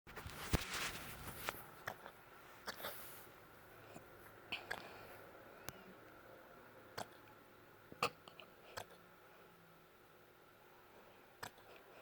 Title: hiccups